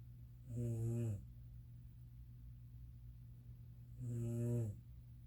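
Two loud, low, buzzing snores on the in-breath, about 3.5 seconds apart, with quiet breathing between; ordinary snoring.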